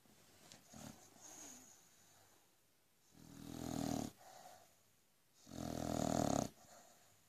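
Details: Frankie, an Aussie Bulldog, sleeping, keeps snoring even when woken: rough, rattling inhaled snores, two strong with softer snorts between, quiet room; snoring.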